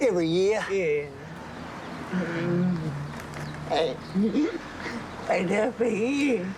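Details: Hyperkinetic dysarthria in an adult woman with late-stage Huntington's disease, speech largely unintelligible; six months earlier she could still walk without help.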